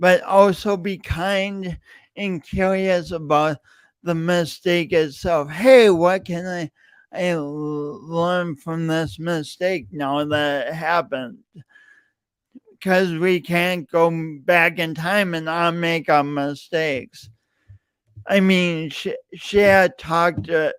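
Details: Adult man with a self-reported speech impediment, present for years and audible whenever he speaks; stuttering with repeated words.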